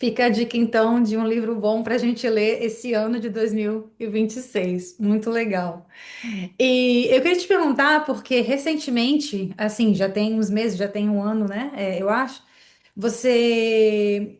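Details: Adult woman speaking Portuguese; normal fluent speech.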